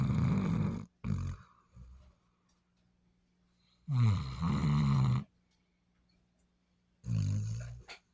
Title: Snoring.....Daisy Duke Bassett Hound 💤💤🐾